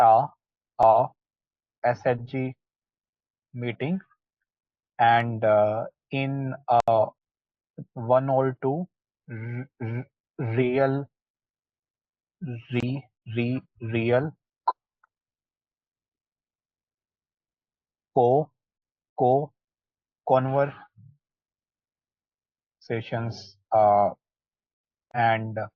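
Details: Adult who stammers, in a group practicing stammering techniques such as pullouts; sound and word repetitions audible: stuttering (stammering).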